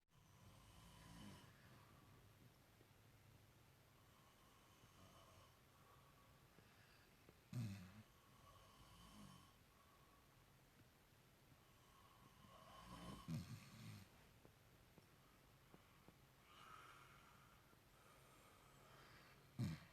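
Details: Slow, low rumbling snores about 10 a minute in a quiet room with louder snorting breaths, from a sleeping Shepherd Cur dog; snoring.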